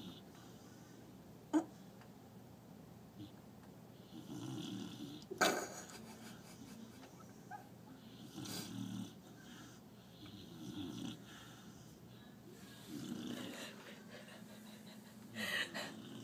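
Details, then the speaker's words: Lemon beagle sleeping under a kitchen table, snoring loudly: soft, low rumbling snores every few seconds with brief sharper snorts between them in a quiet room; snoring. "okay so murphy is under the table and he is snoring so freaking loud hang on one second"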